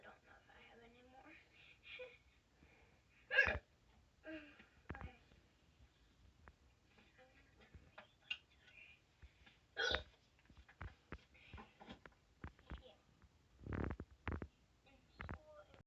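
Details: A few sharp, abrupt gulping hiccups at irregular intervals, with soft talk in the background: hiccups.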